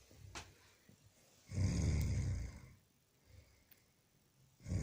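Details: Adult man snoring: one loud, low, rattling snore on an inward breath, with quiet breathing before and after and the start of the next snore.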